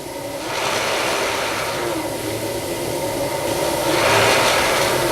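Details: Loud continuous rushing air with slow swells, like breaths against strong flow, from a Philips Respironics DreamWear gel nasal pillows CPAP mask with pressure raised to 20, worn while sitting up.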